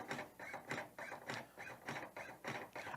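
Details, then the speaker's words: LUCAS mechanical CPR device started in 30:2 mode, used when no advanced airway is in place, gives rhythmic, steady, even whirring compressions at about 100 a minute: mechanical CPR device chest compressions. "so we'll hit the 30 to 2 button and it will start its chest compressions"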